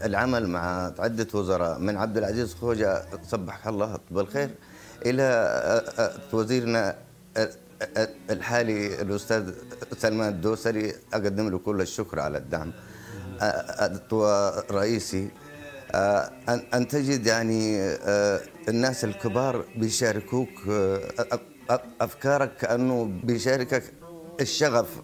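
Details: Stuttering in an adult Saudi male singer; the stutter persists in his speech but disappears when he plays the oud and sings; word repetitions are audible in his speech.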